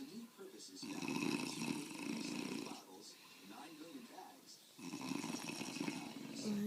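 Loud rough rattling snores with each breath, two long snores in about seven seconds.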